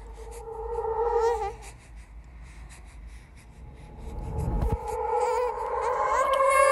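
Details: Horror sound-effect track, not a real baby: high, wailing cry in drawn-out bursts with a rumble partway through; a ghost-baby imitation of an infant cry.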